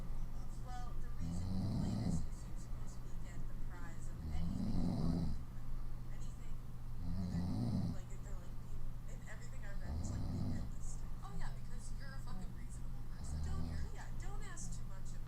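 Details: Woman snoring while lying on her stomach: five slow, regular snores with a soft puff of air through the lips on each breath out, roughly 20 breaths a minute, over a steady low hum.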